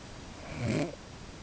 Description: My wife sounds like she purrs at times when she's snoring.